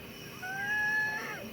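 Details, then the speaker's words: Wheezing heard in the lungs of an adult male COPD patient with acute exacerbation during deep breathing in and out; a high, musical whistle runs through one breath, from narrowed airways. "Lagi. Nah, ini suara wheezing tuh. Oh, suara mengi di parunya."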